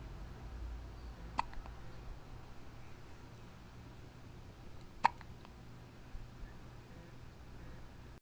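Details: Two sharp, brief hiccups a few seconds apart against quiet room noise, recorded on a Flip Video camcorder.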